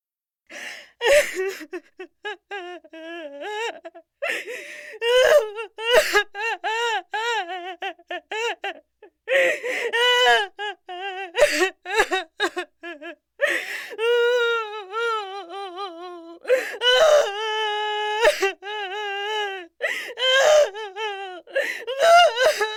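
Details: Royalty-free sound effect of intense, long infant crying: repeated high-pitched wails broken by sharp gasping in-breaths.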